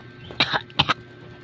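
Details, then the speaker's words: A simulated cough: two short, harsh double-burst coughs performed by a voice actor for a comedy puppet character who says there is stuff in his throat. "Feels like there's stuff in my throat."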